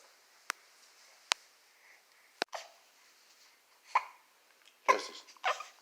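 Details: Several brief, sharp hiccups, about six in six seconds, with some softer vocal sounds toward the end, from a baby being burped.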